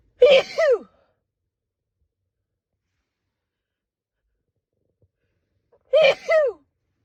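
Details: Two big, drawn-out, voiced two-part sneezes separated by silence from a female with an itchy, tickly head cold and stuffed-up nose; sneezing.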